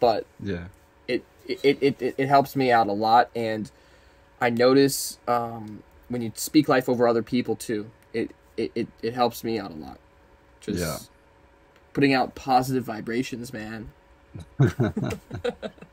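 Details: Adult man who has stuttered since about age four or five; stuttering with whole-word repetitions.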